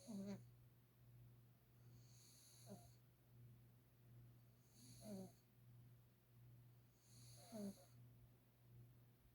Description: Mr. Beavis the cat sleeping and snoring very loudly.